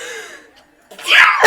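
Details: Adult woman having a sneeze attack: a brief indrawn voice, a pause, then one sharp, explosive sneeze burst.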